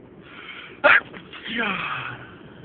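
One sharp, loud, explosive burst with a quick intake before it and a trailing voiced breath after, typical of a sneeze.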